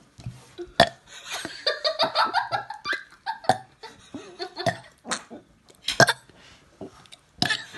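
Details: A run of repeated loud burps from a 5-year-old child experimenting with burping, with giggling between them.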